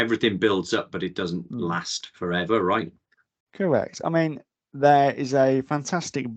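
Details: Adult male speaker; typical speech.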